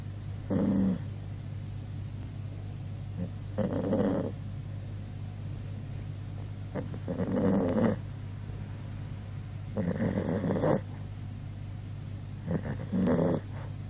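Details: Sixteen-year-old dog, snoring as loud as a human: about five loud, rough snores over fourteen seconds while sleeping, over a steady low room hum; snoring.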